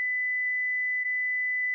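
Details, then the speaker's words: Philips HeartStart FRx AED demonstration: single pure high steady beep lasting almost two seconds as shock is delivered after "shock advised, press the flashing orange button" prompt. "shock advised stay clear of patient press the flashing orange button now deliver shock now"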